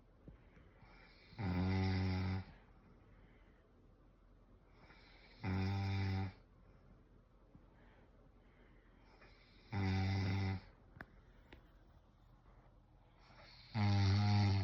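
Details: Loud, rattling, low snores on each inhalation, about 15 a minute, with quiet pauses between them in a small room; snoring, apparently a husband.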